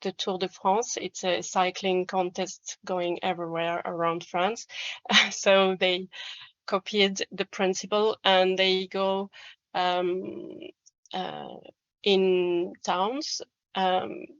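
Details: Adult woman speaking English as a second language; typical speech.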